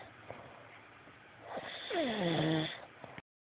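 A single rising, fluttering snore with a squeaky, whistling edge over quiet breathing.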